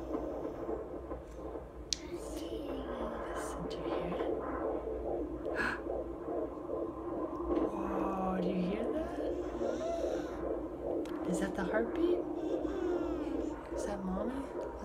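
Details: Fetal heartbeat on Doppler early in pregnancy, when the mother only feels some rolling: fast, regular whooshing pulses at about 140 a minute, a normal rate.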